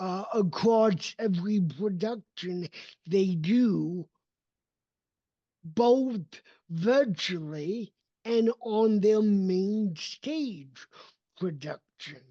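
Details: Adult male with cerebral palsy whose speech did not develop until age seven, after extensive speech therapy, and still needs ongoing training; real speech; dysarthria (cerebral palsy).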